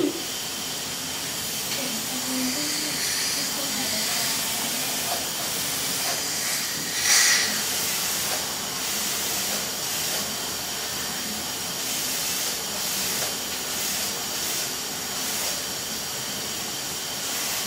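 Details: High, continuous hiss of dental suction and spray with faint voices behind it, during a dental cleaning of a 5-year-old girl on a follow-up visit after a cavity drilling and filling.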